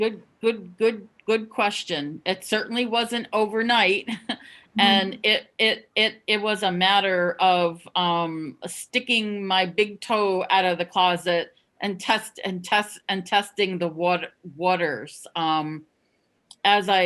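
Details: Adult woman who stutters, formerly a covert stutterer, who says she sometimes gets caught in blocks; audible word and phrase repetitions; stuttering.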